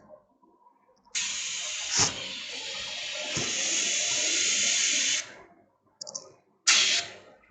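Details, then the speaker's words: Bronchoscopy suction in a 48-year-old woman with malignant central airway obstruction. A loud rushing hiss, then short bursts, as pent-up secretions are cleared from the left main bronchus. "So we can see lot of secretions pent up secretions in the left main broncus. This is usually the reason for patients to deterior. We'll clear the airway first."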